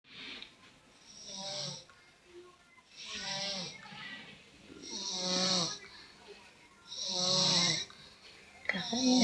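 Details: Child snoring while asleep: repeated raspy snores with each breath in, roughly 30 a minute, with quieter pauses between.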